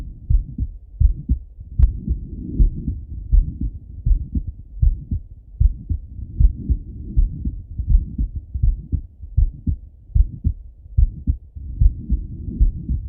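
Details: Normal heart sounds of a male lying on his left side, heard through a stethoscope: steady, low thumping heartbeat at about 77 beats per minute, with soft rustling between beats.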